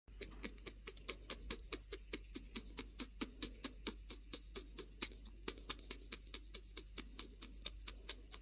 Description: Quaffle gave a great example today that we just had to share. This is her Happy Wheeze